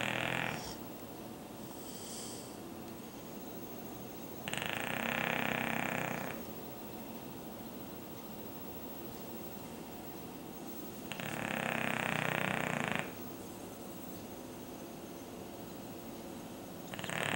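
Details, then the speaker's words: English Bulldog perched on pillows on a sofa, snoring like an old man: loud, rough breathing noise about every six to seven seconds, roughly nine breaths a minute, with quiet pauses. "Perched on its pillows on the sofa, snoring like an old man."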